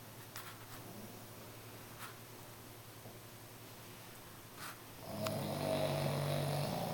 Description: Sophia the french bulldog is just snoring away. She sleeps next to me while I work so this is what I get to listen to all day!